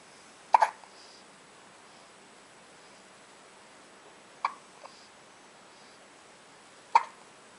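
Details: Baby girl hiccupping at 2:30 a.m. after an early-morning feeding, looking up at her father: sharp, abrupt little gulps a few seconds apart, each with a soft click, in a quiet room.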